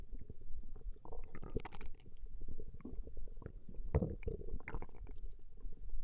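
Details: Recording of a woman's stomach growling: continuous low gurgling and rumbling from the abdomen; ordinary borborygmi.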